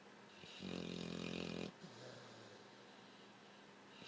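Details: Overweight blue nose pitbull sleeping with odd facial movements, one loud, low rattling snore on an in-breath, then quieter breathing; loud snoring.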